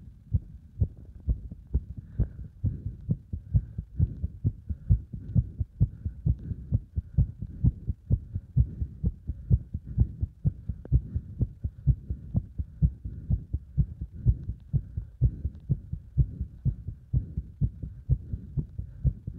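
Fast, regular heartbeat at roughly 128 beats a minute with a low hum in the background; heart sounds under exercise load.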